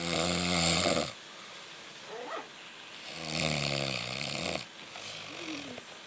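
Two loud, rough, rattling snores on breathing in, with quiet pauses between them; typical snoring.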